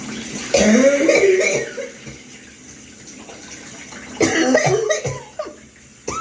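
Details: Wheezy cough during an evening shower: two harsh coughing bouts with whistling, musical tones running through them, over steady running-water noise.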